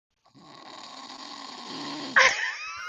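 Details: Snoring from a man who fell asleep while playing Division 2 online, captured over Discord voice chat: one long, harsh, rattling breath rising in loudness, then ending in a sharp snort.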